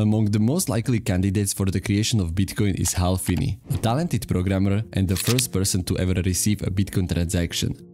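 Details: Adult male narrator; normal speech.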